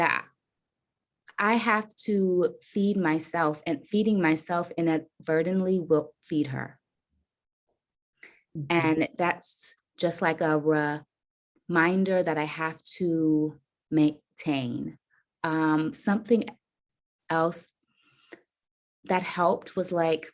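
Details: Stuttering in an adult woman caregiver who says she stutters.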